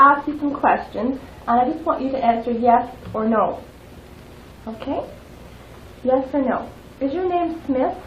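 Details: Adult woman speaking; normal speech.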